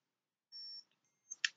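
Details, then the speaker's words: Medtronic insulin pump worn by a person with diabetes: short high-pitched electronic beep in a quiet room, then soft clicks, a reminder alarm to check blood sugar; insulin pump alarm. "why do I have an alarm oh because I want to check my blood sugar"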